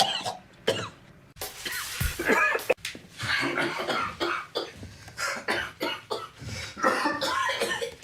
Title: coughing (season1-2)